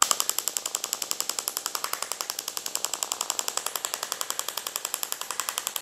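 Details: Radial shockwave therapy (ESWT) for heel spur/plantar fasciitis, second-stage radial applicator over gel on the foot after focal treatment: rapid, steady train of sharp ticking pulses; radial shockwave therapy device.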